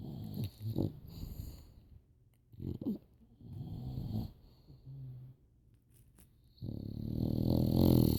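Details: Two animals snoring together: irregular low rattling snores with soft growly breaths, ending in a louder sustained snore; snoring.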